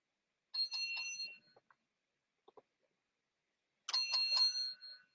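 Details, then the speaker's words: A companion robot for asthmatic children sounds its alarm to signal that it is time to take treatment, at the medication time configured for it: a medication reminder alarm. "voici mon petit robot jo qui il me dit que c'est l'heure de prendre mon traitement"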